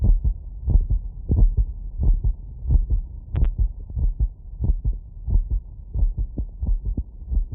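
Fast, regular heartbeat through a stethoscope after exercise, about 90 beats a minute.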